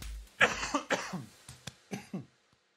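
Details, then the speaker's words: An adult podcast host gives several sharp, loud coughs close to a microphone, head turned, while excited; an ordinary brief coughing fit. "I'm sorry, I just coughed all into the mic, but I tried to turn my head."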